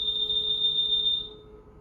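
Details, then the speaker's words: Dräger Evita V800 ventilator during its system test: a steady high-pitched electronic tone holds about a second, then fades. This is the secondary acoustic alarm being confirmed as audible. "it says is there a secondary acoustic alarm signal audible so you can hear it so then you press yes"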